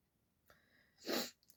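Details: Woman with a winter cold, sore throat and real cough who is taking cough syrup: a short indrawn breath, then a single sharp explosive sneeze.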